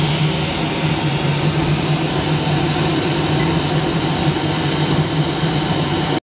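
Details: Fotona Nd:YAG laser treatment of spider veins: steady loud rushing hum with a low drone, like a fan or air-cooling unit, from the laser system running continuously.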